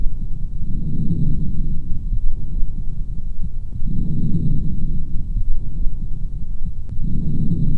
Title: Noise During Auscultation Of The Lungs (sound Effect)